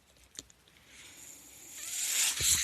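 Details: The speaker's own mechanical ventilator is audible behind his speech as he introduces a recorded podcast; mechanical ventilator air delivery.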